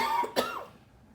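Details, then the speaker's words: Adult's single abrupt cough after a brief voiced sound; occurs every morning, usually bringing up phlegm, which the person attributes to lungs being exposed to frequencies; productive cough. "I think that cough has to do with my lungs being targeted frequencies. Because I noticed I started getting that cough in the morning, and usually I'm coughing phlegm."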